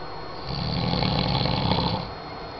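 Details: Snoring: one long, low, rumbling snore on the in-breath from a sleeping man, building then fading, over steady room hiss.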